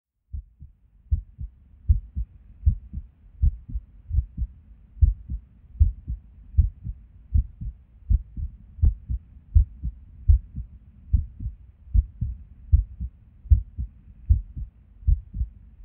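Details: Resting heartbeat recorded at Erb's point while sitting at a desk: low thuds about 77 a minute, unevenly spaced with occasional pauses; irregular rhythm with skipped beats.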